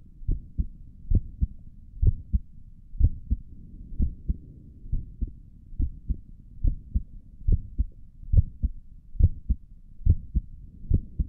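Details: Own heartbeat recorded through a stethoscope on the chest for relaxing ASMR: steady paired lub-dub at about 70 a minute, quiet between beats; stomach gurgles occur in the recording; normal heart sounds.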